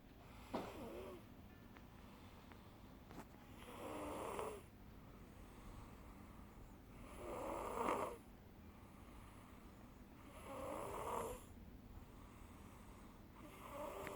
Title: Journey with Us: Proof of Snore